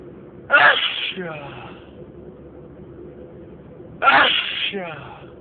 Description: In this video I'm driving in my car and I have a long sneezing fit...